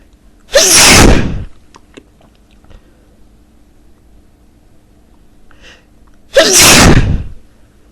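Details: Two loud, explosive sneezes about six seconds apart, each a sharp forceful burst of air; ordinary sneezing.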